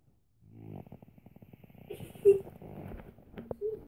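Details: Little boy snoring: fluttering, buzzy breath noise with a rattling pulse, then a few softer tonal sounds.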